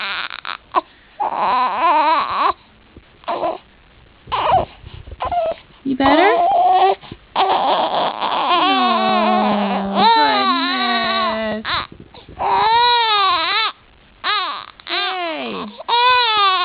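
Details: 1-month-old baby girl crying after sneezing: repeated rising and falling wails with short pauses between; an ordinary infant cry.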